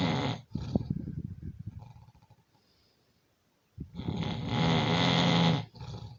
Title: Your snoring